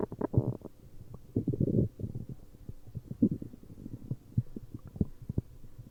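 Irregular low gurgles, bubbling pops and rumbling from the belly throughout; ordinary stomach growling.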